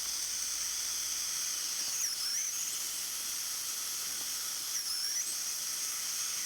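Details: Dental implant pilot drill, 2 mm diameter, preparing implant site in area 26 during live guided surgery: high, hissing whine with brief pitch dips as the drill meets bone.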